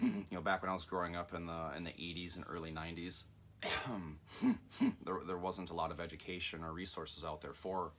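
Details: Adult man with Tourette syndrome he describes as genetic, inherited from his father's side, never formally diagnosed, tics more severe now than in childhood; frequent 'mm-hmm' and 'hmm' sounds through his speech; Tourette syndrome with vocal tics.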